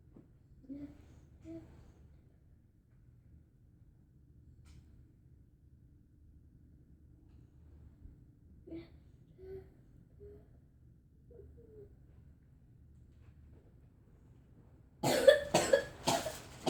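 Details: A young child with whooping cough, trying to sleep at night on a trip, gives a quick run of four harsh coughs after faint soft vocal sounds in a quiet room: pertussis cough.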